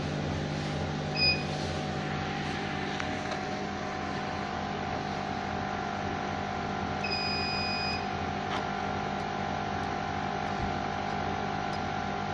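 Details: Fractional CO2 laser machine operating: steady machine hum with brief electronic beeps and clicks.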